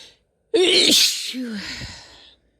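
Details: Female sneezing: one sudden explosive sneeze with a hissing burst, trailing off into a breathy tail.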